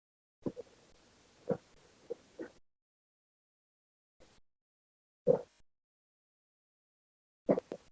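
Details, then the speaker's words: Ultrasound Doppler (O'Dive sensor) venous signal recorded 30–60 minutes after a dive: pulsing heartbeat whooshes with irregular crackly, turbulent bursts from a large amount of gas microbubbles in the bloodstream. "you can hear the bubbles almost as if it's a form of turbulence picked up by the device there so it's a distinct difference really"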